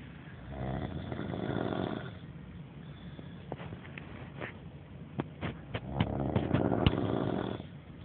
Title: Snoring (audio only to hide identity)